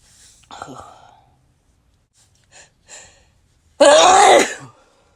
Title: 100+ Sneezes Compilation